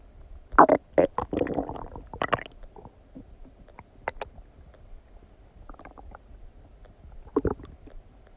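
Irregular bubbling gurgles and squelches in short bursts; ordinary digestive bowel sounds after a meal.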